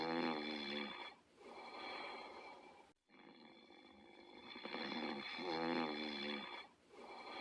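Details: Otto and Diesel sleeping and snoring: rhythmic snoring with a buzzing, whistly tone on each breath, about a breath every couple of seconds.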